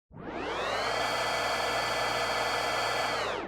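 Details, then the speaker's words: A sustained, rising synthetic whoosh with steady ringing tones, lasting about three seconds: a designed sonic UX feedback sound for the da Vinci surgical robot. "Colin and Joel worked with intuitive to create a sonic UX system for their da Vinci surgical robot to provide efficient and effective feedback to surgeons."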